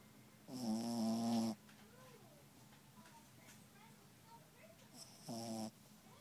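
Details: Snoring in a sleeping dog: two loud rattling snores separated by a quiet pause, soft room noise between.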